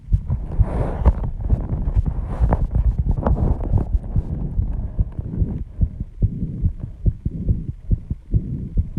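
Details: Own heartbeat after intense exercise: fast, strong heartbeat at 134 bpm with heavy breathing early on, loud enough at first to be heard without a microphone; sinus tachycardia after exercise.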